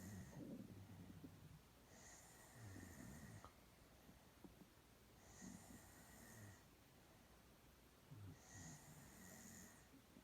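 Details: Girl sound asleep with low rattling snores on each in-breath, roughly 24 breaths a minute, over quiet room noise.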